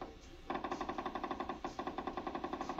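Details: Rapid, regular crackling pops of needle EMG motor unit potentials from the right deltoid muscle as it contracts during needle electromyography.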